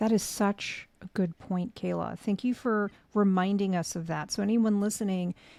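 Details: Adult woman; typical speech.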